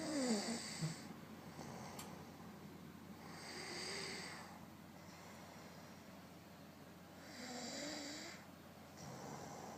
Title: Snore Sound Part I